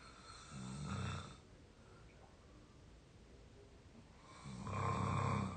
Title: real exhausted snoring 22 year old audio 3